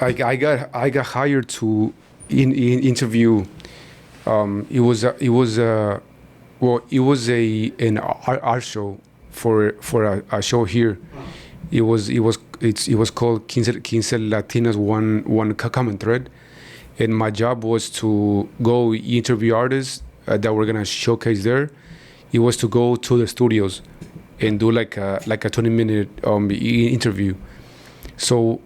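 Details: Man in his 40s who stutters, onset noticed around age five or six; his father also stutters and he believes it runs in the family; stuttering.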